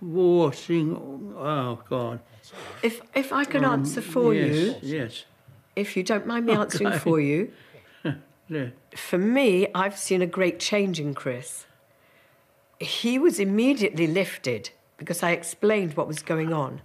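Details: Adult woman speaking; typical speech.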